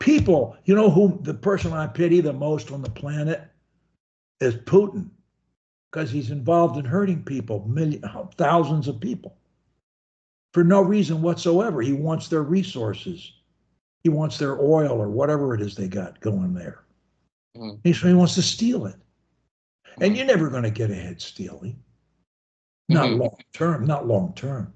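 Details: Adult man; Normal fluent speech.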